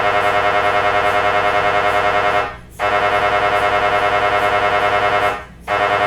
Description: MRI machine noise. MRI scan sound. MRI machine sound. Funny sounds.